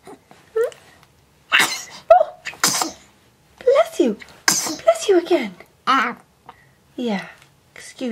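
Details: A 3-month-old baby girl coos and babbles to her toy giraffe between several sharp, breathy sneezes.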